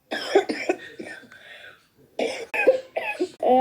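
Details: Compilation of a person's coughing recorded on vacation and at home: about eight voiced, harsh cough bursts in two quick runs separated by a brief pause.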